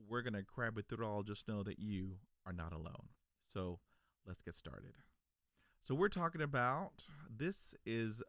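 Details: Adult man who stutters, stuttering since childhood; stuttering.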